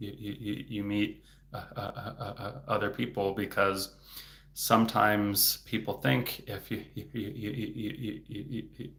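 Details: Adult man, a speech-language pathologist, who stutters; stuttering.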